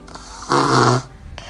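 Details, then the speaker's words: Snoring in a sleeping child before taking a syrup, with enlarged tonsils and adenoids mentioned as one cause of snoring in children: one loud, low, rattling snore during a breath in, with quiet breathing around it. "вот так спал ребенок до приема сиропа дорамарин"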